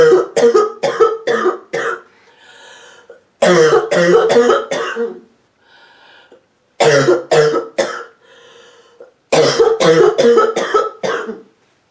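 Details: A sick adult woman coughing constantly: repeated fits of harsh, deep, barking, hacking coughs, four to five per fit, separated by audible breaths in.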